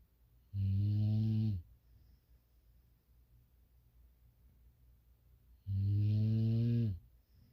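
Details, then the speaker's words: Two loud, buzzy snores about five seconds apart, near 12 breaths a minute, from a sleeping female Shar-Pei English Bulldog; heavy snoring. "Hey guys, this girl is snoring so loud I can't sleep."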